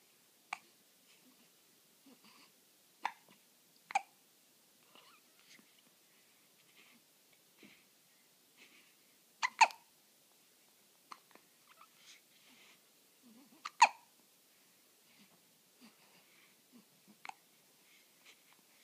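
Soft, sharp, irregular catches with brief throaty sounds, roughly 14 a minute, consistent with newborn hiccups.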